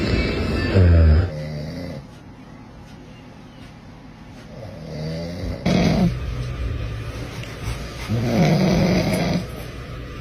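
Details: Father's loud, low, rattling snoring in three bursts over ten seconds, with quieter breathing between, while a baby tries to sleep; faint room noise.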